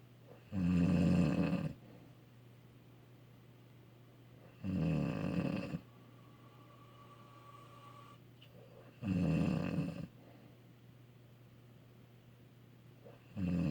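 Loud rattling snores about every four seconds, roughly 14 a minute, with quiet breathing between; snoring.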